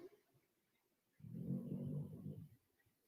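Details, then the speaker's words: Snoring from a sleeping female dog: a single low, rough rumbling breath lasting over a second in a quiet room; she stopped soon after. "can you hear my dog snoring she stopped as soon as i said that"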